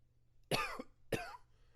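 Two short, harsh coughs with a throat-clearing quality, separated by a brief pause in a quiet room; an allergy-related cough.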